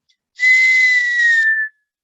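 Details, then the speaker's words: Single steady high-pitched whistle imitating the wheeze heard with a stethoscope over a dog's or cat's lungs from airway narrowing due to inflammation. Wheeze (imitated). "es traidores son estrechamiento de vías respiratorias y que los vamos a escuchar igual como silbidos como lo dice"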